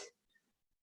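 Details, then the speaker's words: A single sharp crack, knee crepitus heard as the knees crackle during a slow, controlled Pilates balance exercise. "you can hear my knees crackles alright good old crappo and medius"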